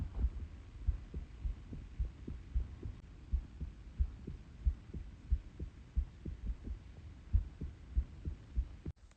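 Soft, dull heartbeat thumps picked up through a phone on the chest, about 90 a minute, with an uneven rhythm: irregular heartbeat.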